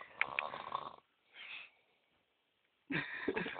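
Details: Person (Ram) snoring in sleep: rough, rattling snore bursts separated by quiet pauses with softer breaths between; snoring.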